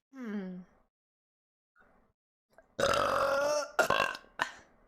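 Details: A deep, voiced burp, then a pause and a spoken 'excuse me', from a person burping repeatedly and having hiccups; burp (eructation).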